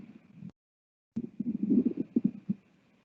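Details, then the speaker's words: Normal equine ileocecal flush heard from the horse's right side: background gurgling, then a louder rolling, rushing burst like a toilet flush or thunder roll as the ileum empties into the cecum, recurring every 20–30 seconds. "and so the ilium empties into the cecum through the ileocecal valve and that happens periodically and it sounds like a bit of a toilet flush or a thunder roll"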